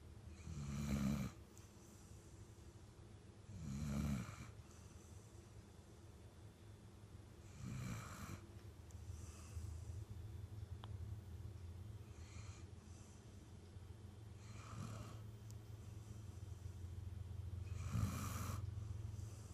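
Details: Low rumbling snores recurring about every three to four seconds, roughly 16 a minute, over steady room hum: ordinary snoring.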